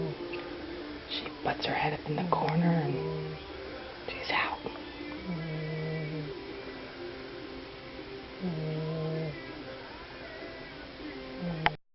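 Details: A female sleeper snoring.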